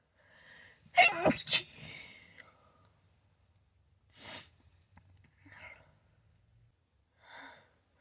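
A quick double sneeze with sharp bursts of air, followed by a few softer sniffs and snorts as the nose is cleared.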